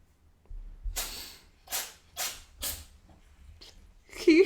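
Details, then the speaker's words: Several short, sharp sneezes in quick succession from someone in the background of a live tabletop role-playing session, followed by a voice; sneezing fit. "you hear having a sneezing fit in the background? He just sneezed like fucked."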